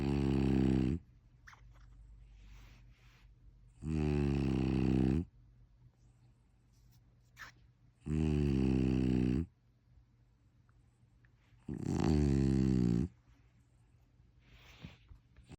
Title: #frenchbulldog #snore